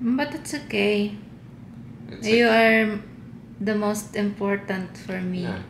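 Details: Adult woman speaking; normal speech.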